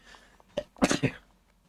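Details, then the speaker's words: A single adult sneeze: a brief intake of breath, then a sharp explosive burst of air and voice. "Oh, I needed that sneeze, too."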